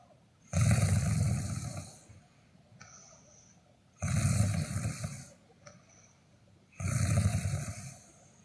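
Loud, harsh, rattling snores on each inbreath with quieter outbreaths, about 20 breaths a minute; snoring.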